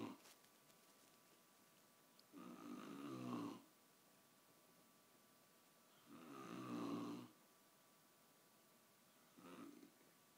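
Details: Ordinary snoring: three slow, rough, rattling snores on breathing in, about 17 a minute, with a faint steady hum in a quiet room.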